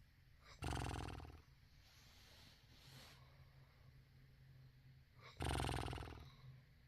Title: I don't snore🤣🤣🤣 #lifeisbutadream